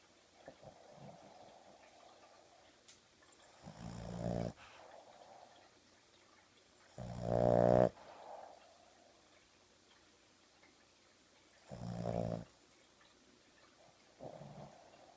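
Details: Female dog asleep on a sofa with eyes open, wiggling as she sleeps: loud rattling snores, about four in fifteen seconds, with softer breaths between in a quiet room; snoring.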